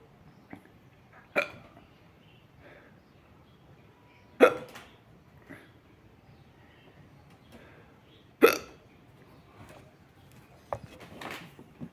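Four sharp hiccups every three to four seconds, about 15 a minute, against quiet room noise.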